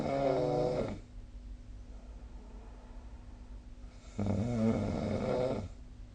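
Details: Snoring during sleep recorded with the SnoreLab app: two loud, buzzing inward snores with a quiet breath between them in a quiet room.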